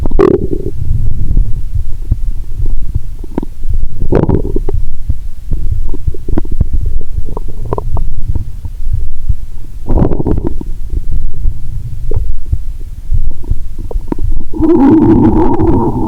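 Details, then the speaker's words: Stethoscope on own abdomen while lying down after a Mentos and cola challenge (cola drunk, Mentos swallowed): low rumbling and irregular gurgles with brief bubbling bursts; active bowel sounds. "मेरा पेट मुझसे कह रहा है, "मुझे अच्छा खाना दो, तरल पदार्थ नहीं!"🤔😂।"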